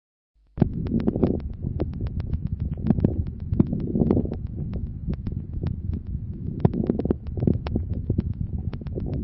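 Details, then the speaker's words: Breath sounds with many brief popping crackles dominating mid-inspiration, sparing its start and end, reflecting bronchial secretions, variable from cycle to cycle, often with some expiratory crackles. Finding: mid-inspiratory crackles. "hilco domine au milieu de l'inspiration et respecte le début et la fin d'inspiration ils traduisent l'existence de ces questions bronchique d'où leur caractère variable d'un cycle à l'autre et leurs associations fréquentes à quelques crépitant expiratoire"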